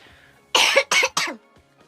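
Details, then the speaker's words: Adult with a failing voice and a little stuffiness gives three quick, harsh throat-clearing coughs, with faint background sound. "um sorry about my voice my voice is like really going down um"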